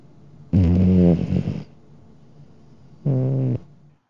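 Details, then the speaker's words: Heavy snoring that could signal sleep apnea: two loud, low, rattling snores separated by a quiet pause. "call that snore oops while snoring can be a funny topic it can also be a sign of sleep apnea a serious medical condition"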